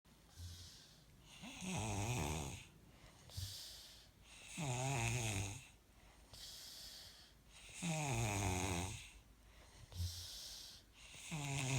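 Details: Habitual snoring: loud, rattling snores on each breath in, alternating with quieter hissing breaths out, about 19 breaths a minute.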